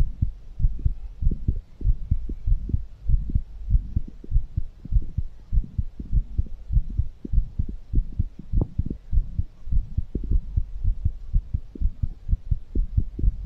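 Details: Fast heartbeat after exercise, ASMR recording: rapid, strong, regular thumps at about 100 beats a minute; normal post-exercise tachycardia.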